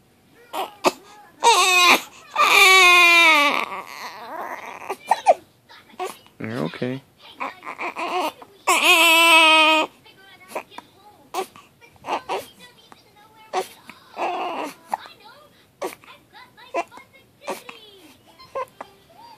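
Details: 3-week-old infant, fussy with hiccups, crying in loud, drawn-out bouts separated by quieter whimpers and breaths, with a soft adult voice and music in the background; infant cry.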